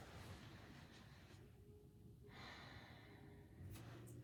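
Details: Soft, quiet airy breath sounds with a pause between, fitting slow deep breaths, during a nursing head-to-toe assessment; clear, normal breathing with no wheeze or crackle.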